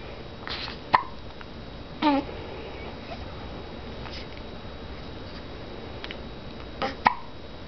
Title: Hiccups.MOV